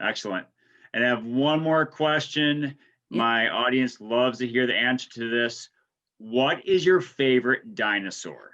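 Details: Adult male speaker; Normal speech.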